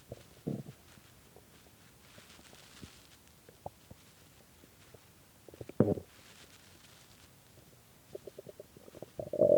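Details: Very hungry stomach after skipping lunch and dinner, growling badly at 3 am: quiet room with scattered gurgles and a few louder rumbling bursts from the belly; hunger borborygmi.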